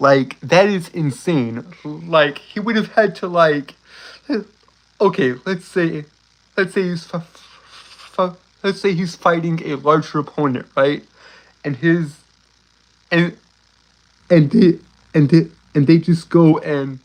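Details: Male speaker with a self-reported uncontrollable speech impediment, worse on words starting with s and when excited; stuttering.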